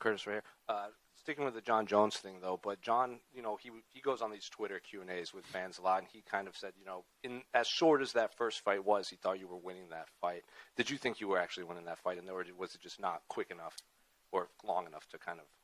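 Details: Adult male; no speech disorder.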